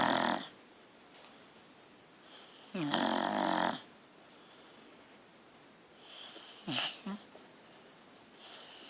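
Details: Irregular snorting snores, some loud and rough, others short snuffles, from a sleeping deaf dog in a quiet room; snoring.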